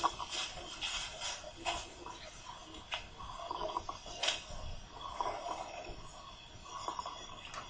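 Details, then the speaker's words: Tracheal rattle (estertor traqueal), seen in patients unable to clear the airway, audible without a stethoscope. A coarse bubbling rattle through both breath phases, predominantly expiratory, from secretions pooled in the larynx and trachea. "lo podemos detectar por extra auscultación y nos da una idea de la cantidad de secreciones que puedan estar alojadas en la laringe y en la tráquea lo van a presentar algunos pacientes que son incapaces de limpiar su vía aérea escuchemos un estertor traqueal"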